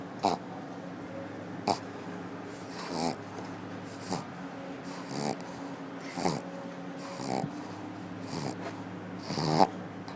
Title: Akilla Pug Snoring at the Office